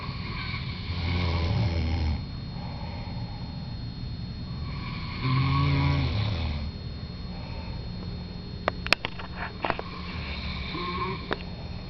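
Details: Two people snoring as a pair: loud, low, rumbling snores every few seconds, with some clicks and rustling later; snoring during sleep.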